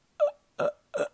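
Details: Imitated stuttering blocks: speaker demonstrates his block stuttering, present since childhood, with speech therapy from about grade 2 or 3 until about 18, relearning talking through breathing; stuttering block (imitated).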